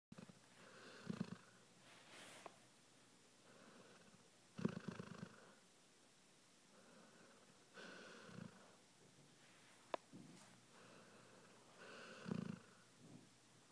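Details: Recorded November 2011, shortly before the sleeper died: soft, rasping snores with each breath, about 17 a minute, in a quiet room; snoring during sleep.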